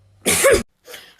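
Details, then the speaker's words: An acted cough in a comedy sketch, blamed in jest on eating too much snow. "вот так вот не кашлять надо меньше снега жрать мойки"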